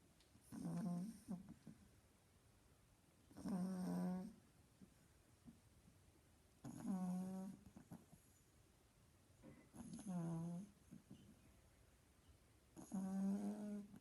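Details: Sleeping pug snoring loudly: regular rattling snores with each breath in, about 19 a minute, in a quiet room.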